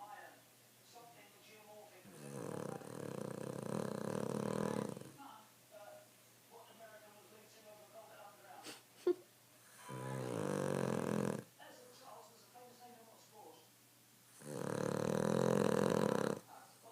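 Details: Cavalier dog Milly snoring loudly while asleep: three long, loud rasping breaths separated by quieter breathing; snoring.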